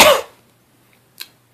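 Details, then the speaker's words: Person who is sick, describing a horrible irritating cough that won't let go while trying not to cough; a single loud, harsh cough burst followed by quiet room sound. "I had that hor a horrible cough too like that little you know that irritating cough that just won't let go um I'm trying not to cough right now"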